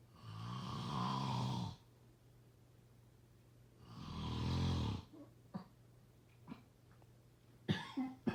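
Two long, low, rumbling snores on the in-breath about four seconds apart, followed by a few faint clicks and rustles: adult snoring.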